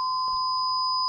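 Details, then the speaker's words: Synthesized tinnitus simulation for a deafness sound effect: two juxtaposed sine-wave whistles, one lower and one higher, clashing in dissonance. "sur cette piste sifflement j'ai fait deux choses pour commencer j'ai juxtaposés de sifflements un moins aigu avec un plus aigus pour créer une espèce de dissonances"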